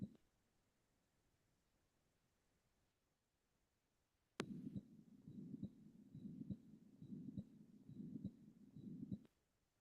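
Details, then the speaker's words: Quiz case of a patient 10 days after an anterior wall myocardial infarction with refractory heart failure and shock, auscultated at the left lower sternal area: regular heartbeat near 70 a minute with a harsh rushing murmur filling the space between beats. "So uh 10 day post anterior wall patient develops refractory heart failure and patient is in shock on oscultating the left lower sternal area. This was found."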